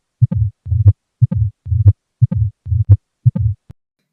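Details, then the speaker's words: A regular heartbeat at about 60 a minute, each beat followed by a low, rough, scratching rumble: the mid-diastolic murmur of tricuspid stenosis, best heard at the tricuspid area, with a soft opening. "It is a mid diastolic murmur best heard at the tricuspid area and is described typically as a scratching rumbling sound with soft opening"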